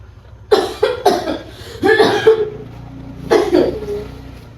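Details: Bursts of wet coughing in short runs, role-played effective coughing during chest physiotherapy by a 63-year-old woman with pulmonary tuberculosis and upper-area sputum buildup, after warm water and postural drainage; productive cough.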